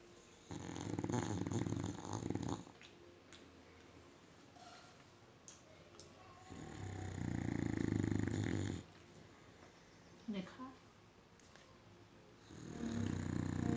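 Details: Dog snoring in deep sleep: long, low, rattling snores on each breath, about every five to six seconds, with quiet pauses between.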